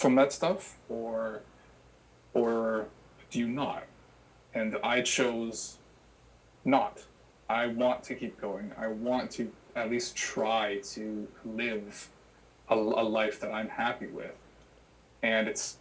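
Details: Adult who has stuttered since childhood and had childhood speech therapy; repetitions are audible; stuttering.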